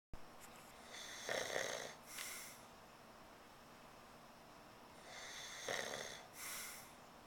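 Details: Adult man who uses a CPAP mask, asleep without it and denying he is snoring when woken: two loud, rough snores, each followed by a snorting breath, in a quiet room.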